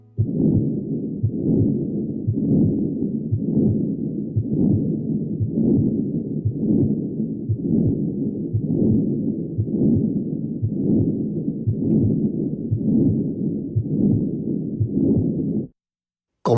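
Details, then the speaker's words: Pediatric congenital heart disease teaching audio: harsh, machinery-like continuous murmur through systole and diastole, about 58 beats a minute, swelling with each beat, peaking late systole; patent ductus arteriosus. "Esto genera un soplo continuo que empieza en la sístole y se extiende durante toda la diástole."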